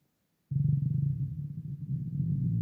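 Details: Loud hunger stomach rumbling (borborygmi), heard even without a microphone: a deep, sustained, rolling growl lasting about two seconds.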